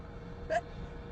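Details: Sneezing fit from allergies or hay fever while driving: one brief, sharp sneeze against steady car noise, part of a long run of repeated sneezes edited into a loop.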